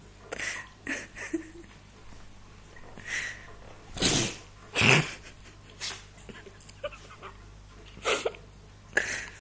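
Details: Dog sneezing repeatedly: several short, sharp nasal bursts with quiet gaps between them.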